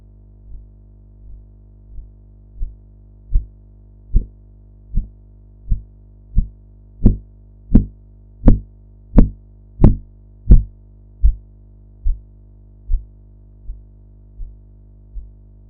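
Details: Blood pressure practice recording of Korotkoff sounds heard while deflating a sphygmomanometer cuff: regular tapping pulse sounds about 86 a minute that swell then fade over a steady low hum.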